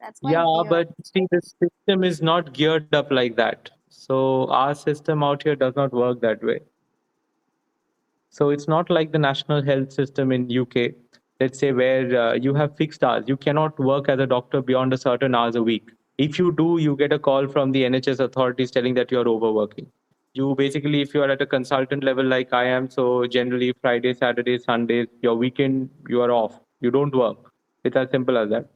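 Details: Adult man speaking; normal fluent speech.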